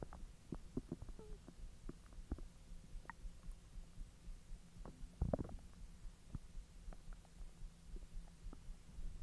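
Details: Bowel sounds (borborygmi) after eating hotdogs following a 10-hour empty stomach: low gurgles and rumbles with scattered pops and squelches, active digestion after a long fast.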